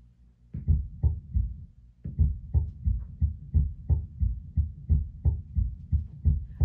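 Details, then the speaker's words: Normal neonatal heartbeat heard with an electronic stethoscope on a newborn simulator manikin: rapid, regular soft thumping heart sounds of a normal baby rhythm. "so this is a normal heartbeat for a baby one of the things that's really important as a doctor is to know what is normal and to tell the difference"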